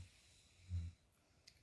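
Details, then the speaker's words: Live recording of snoring: a single brief, low, rumbling snort from a sleeping adult, consistent with one snore. "আজকে যেমন live নাক ডাকা শোনাইছি যারা অনেকদিন ধরে নাক ডাকা শুনতে পাচ্ছিলেন আজকে যেমন লাইভ শোনাচ্ছি"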